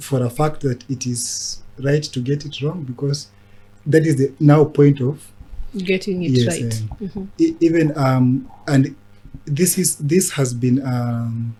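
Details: Adult man who stammers; stuttering.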